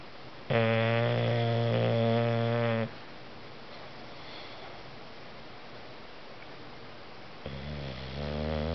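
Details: Dozer snoring while napping: a loud, buzzing rattle on a drawn breath lasting over two seconds, then quiet.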